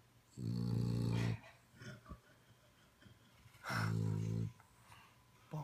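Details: A sleeping, passed-out Boston terrier snores loudly: two rough, rattling snores about a second long each, with quiet breathing between them.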